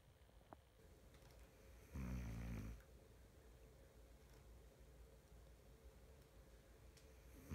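A single low, fluttering snore lasting under a second in a quiet room; ordinary snoring.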